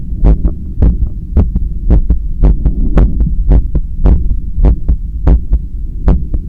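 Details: Own heart sounds via stethoscope held on the chest during bicep curls with a resistance band: fast, regular paired heart sounds about 110 beats a minute over a steady low hum.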